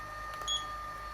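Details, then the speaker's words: Home IPL hair removal device firing once on the upper lip at level one with its cooling function: a steady electronic hum, then a short tonal beep and click as the light pulses. "um you can long press this button and it'll Auto do it so I'm just going to switch my lovely glasses here so that I'm you want to make sure you don't get any laser in your eye"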